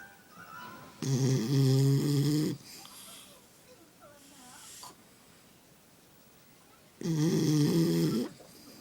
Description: Dogg Snores more thenn me lol!!